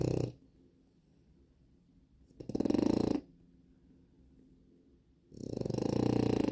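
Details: Snoring: low, rattling snores on breaths in, about every three seconds, with quiet pauses between.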